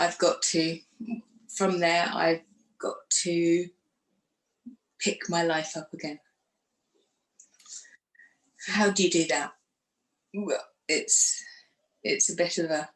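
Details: Woman who had a stroke after surgery in 2018 at age 44, lost her speech afterwards and now lives with post-stroke aphasia; aphasia.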